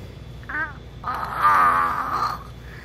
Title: Baby imitates Dady's Snore🤣🤣